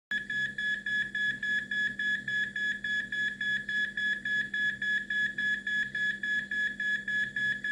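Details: Rapid, regular high-pitched monitor beeps at about 210 a minute: the alarm for pulseless ventricular tachycardia.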